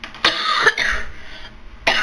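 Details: Several harsh, forceful coughs in quick succession in a quiet small room from an adult who says she is sick, hoarse-voiced and taking cough medicine: cough.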